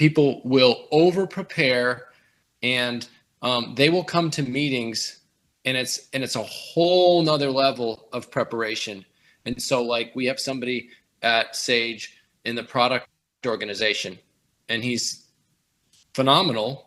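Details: Adult man speaking; typical speech.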